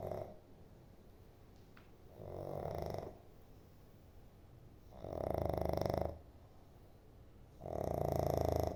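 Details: Loud, rattling snores with each breath, about one every 2.7 seconds, separated by quieter exhalations; snoring.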